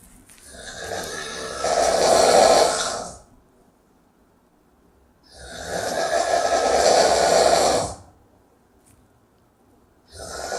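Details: Heavy snoring during sleep: loud, harsh snores swelling on each breath with silent pauses between, about 13 breaths a minute.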